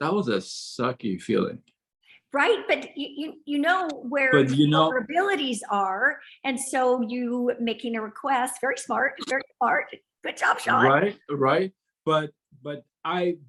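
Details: Adults in conversation; conversational speech.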